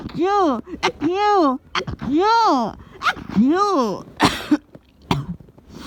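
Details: A person getting a cold, who also had a nosebleed: drawn-out voiced groans followed by a few sharp explosive bursts of sneezing and coughing; cough.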